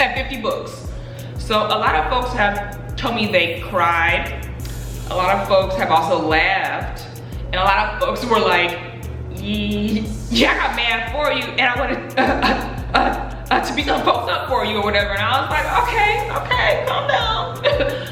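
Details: Adult woman speaking about her own stutter; stuttering.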